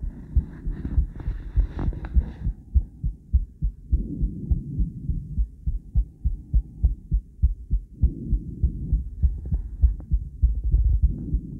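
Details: Female heart on cardiac ultrasound, recorded with a different transducer and combined with ECG: steady, regular low heartbeat thumps at about 100 beats a minute; heartbeat.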